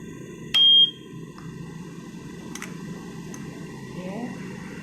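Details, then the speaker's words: Newport e360T ventilator powering on after the compressor (pressure 40–60 psi), during pre-use preparation and calibration before intubation: a loud beep followed by soft clicks and brief tones; normal startup sounds. "lalu Yang kedua kita Nyalakan untuk ventilator nya"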